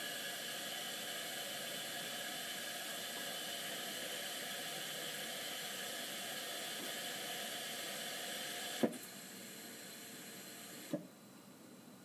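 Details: Puritan Bennett 840 ventilator pre-use self-test, circuit fitted with inspiratory and expiratory filters, no humidifier, patient Y-piece blocked: steady airflow hiss, then two sharp valve clicks and the hiss drops away as the circuit is checked for holding pressure.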